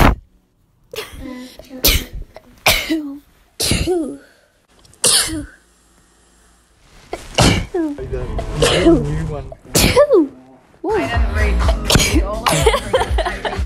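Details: Daughter repeatedly sneezing: a run of about six short, sharp sneezes in quick succession, followed by voices and other noise.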